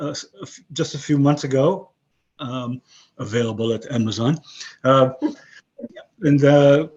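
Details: Aphasia after a stroke about 11 years earlier in a 62-year-old man; English and Hebrew retained in broken form, other languages lost.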